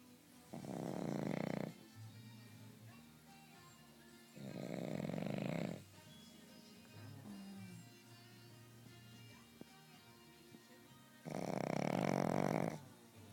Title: Snoring pug